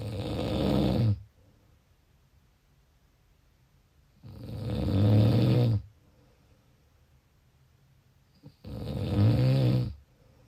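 Loud, rattling snores on each breath in, about 14 a minute, separated by quiet gaps.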